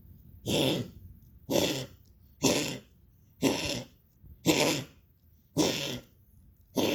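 A dog gives repeated harsh, hacking coughs at roughly one per second.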